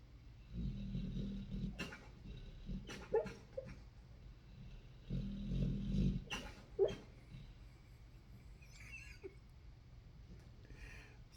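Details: Sleeping dog snoring: low rumbling snores in irregular bursts with a few snorts; ordinary snoring.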